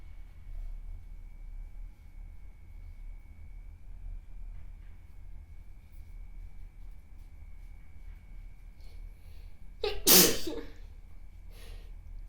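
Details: A single sharp, explosive sneeze from a model, recorded with her permission as a 4K sample, in a quiet room with a steady faint hum, followed by a soft trailing breath.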